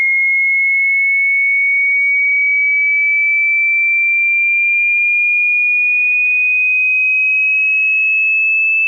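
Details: Steady high-pitched pure tone rising slightly in pitch, an online hearing test signal; hearing test tones.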